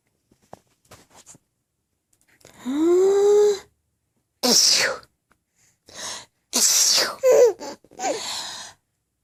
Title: Laughing At Sneezes